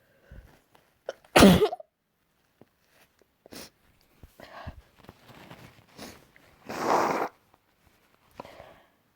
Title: Variety sneezes